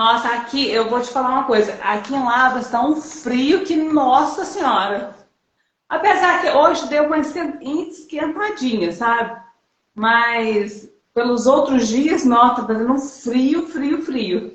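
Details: Adult woman speaking Portuguese; Normal adult speech.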